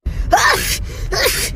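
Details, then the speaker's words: Young woman with allergies: two loud, breathy, forceful bursts in quick succession, a wet sneeze with a gasping intake; ordinary sneezing. "Bisa imut gitu ya bersinnya. Kalau bersinku kira-kira gimana ya?"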